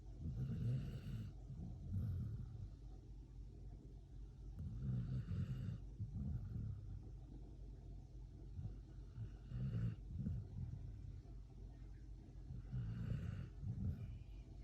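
Deep, rumbling snores from a sleeping dog with a fluttering rattle, about five breaths in fifteen seconds, roughly 20 a minute.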